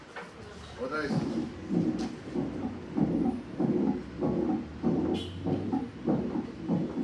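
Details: Mitral regurgitation (mitral valve incompetence) teaching example: rhythmic heartbeats, roughly 95 a minute, with a blowing murmur filling each beat and a third heart sound.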